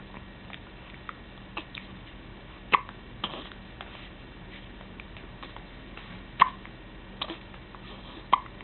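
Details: Recurrent hiccups again in a female whose head jerks with each hiccup: short sharp jolts, about three in eight seconds, over faint room noise; hiccups.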